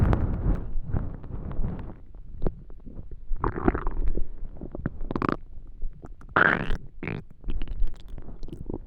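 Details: Extreme hunger stomach growling: loud gurgling and rumbling in irregular bursts; bowel sounds (borborygmi).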